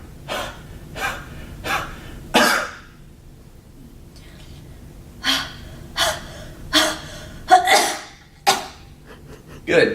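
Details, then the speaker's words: Acted airway-clearance demonstration by physical therapy students: repeated breathy huffs with full expiration, followed by forceful coughs as hard as possible to force air out and clear secretions. "so now this next time I want you to do the same thing and then on the third time I want you to cost real hard as hard as you can okay so make sure you force the air out"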